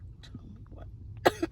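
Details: A brief sharp cough burst, then a smaller second burst, as a girl has a Covid-19 nasal swab test; a reflex cough from nasal irritation.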